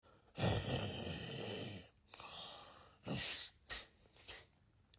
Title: SNORING PARTNER